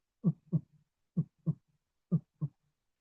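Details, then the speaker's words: Normal heart sounds played in a teaching lecture contrasting S3 and S4: regular lub-dub with crisp S1 and S2, about 63 a minute, no extra sounds. "اس 3 بسمعه هنا يا شباب خبطه بعد اس 2 فسمع كده يا شباب ده النورمال الصوت النورمال"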